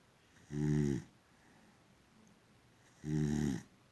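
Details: Sleeping female boxer dog snoring: two deep, rumbling snores about two and a half seconds apart in a quiet room; ordinary sleep snoring.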